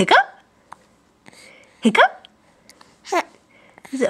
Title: hiccups (almost 4 months)